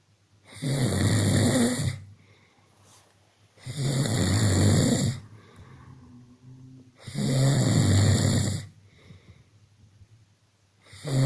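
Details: Adult male snoring during sleep: snoring.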